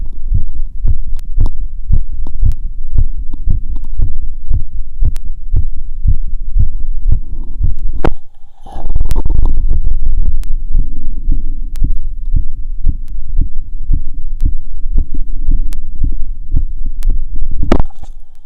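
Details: Normal heart sounds through a stethoscope after a 2 km run, auscultated at pulmonic, aortic, Erb's point and Botkin areas.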